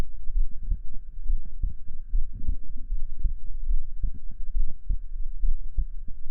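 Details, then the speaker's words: Regular, steady lub-dub heartbeat heard through a stethoscope in an ASMR roleplay recording, about 75 beats a minute, with a faint background hum; normal heartbeat. "So, how about you listen to mine?"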